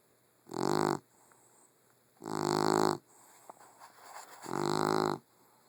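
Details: Puggle dog asleep and snoring loudly: buzzing, tone-rich snores about every two seconds, roughly 30 a minute, with quiet gaps between; snoring.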